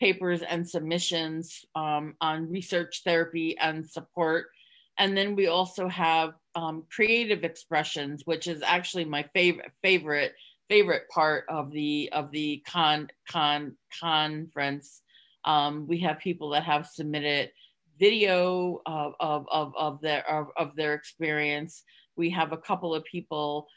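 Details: Stuttering in an adult woman who concealed it for close to 30 years (covert stuttering) and now stutters openly.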